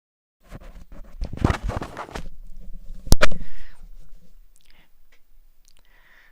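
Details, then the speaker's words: Adult recorded during a live stream: rustling and a few sharp intakes, then one loud, explosive, unsuppressed sneeze that fades quickly; the speaker says their family doesn't hold back sneezes. "tell me you didn't hear that when I sneeze the people the next hand over can usually hear me yeah in our family we don't we don't hold back our sneezes"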